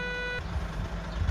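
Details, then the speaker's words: Schiller defibrillator demonstration: after the device announces charging, a steady electronic tone sounds briefly, then cuts off, signalling it is charged and ready to shock. "Şarj oluyor dedi ve birlikte Sonra bir ses verdiğini duyacağım Evet şoka hazır dedi ve ben uyarıları yapıp çok işlemini gerçekleştirebilir"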